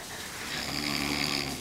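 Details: Sleeping man snoring very loudly: a loud, rough, buzzing breath sound over a constant background hum; snoring.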